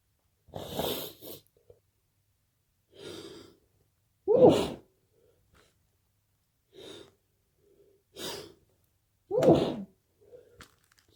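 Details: Late-night sneezing fit from a cold, after waking with a strong nose tickle: a run of about seven sneezes muffled into a pillow, some with a sharp intake of breath before them.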